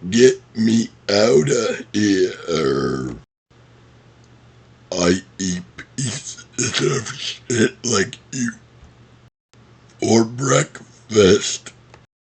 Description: Here are some of favorite quotes from the movie Happy Gilmore.. burped!